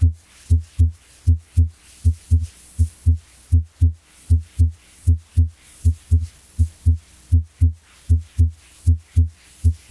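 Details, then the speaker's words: Normal heart sounds: a steady, regular lub-dub with clear S1 (mitral/tricuspid closure, low-pitched, longer) and S2 (aortic/pulmonary closure, high-pitched, short), with no added noises. "the closure of semilunar valves or atic and Pulmonary vves produce high pitch and short sounds which is called second heart sound or S2 now let's listen to the S1 and S2 sounds which is lab and dab"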